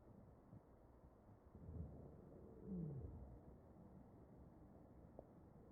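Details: Chest auscultation in a mechanically ventilated patient: muffled ventilated breath sounds with brief low musical tones of falling pitch, wheezing from narrowed airways.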